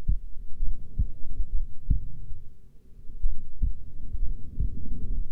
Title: Female heartbeat during resting